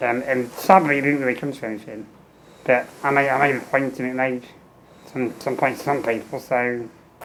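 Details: Adult man with muscular dystrophy and low lung capacity, tracheostomy for 15 years with a fenestrated tube, ventilator with a speech valve and air leak around the trachea: ventilator-phased speech, spurts per ventilator breath with breaks between.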